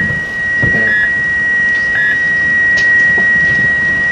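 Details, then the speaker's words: Steady high-pitched electronic whine of a defibrillator charging to 300 for a repeat shock in a simulated cardiac arrest team-training scenario, under room noise. "you want a shock him again yeah 300 are you sure you 300 yeah okay charging"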